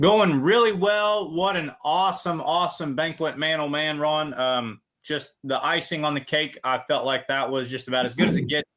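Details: Adult man; normal voice.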